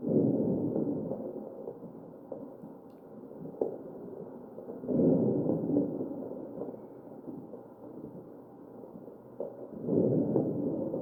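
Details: Crackles in the breath sounds of a real mechanically ventilated patient, recorded at the chest.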